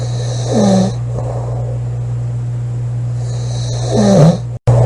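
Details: Loud rattling snoring in a sleeping female, two snores about 3.5 seconds apart over a steady low hum; heavy snoring.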